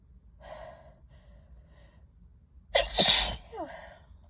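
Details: Soft breathy build-up then one sharp, explosive sneeze, one of a repeated sneezing fit the person attributes to dust from books, with low pollen count noted.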